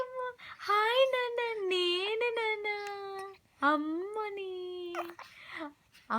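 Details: Fussy infant with hiccups crying: drawn-out, high-pitched wailing in two long phrases with brief gasping breaths between.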